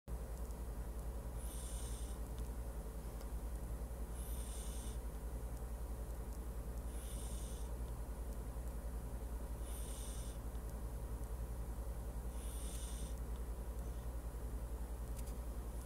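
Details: Regular soft snoring breaths about every 2.7 seconds, roughly 22 a minute, over a steady low hum, in deep sleep; ordinary snoring.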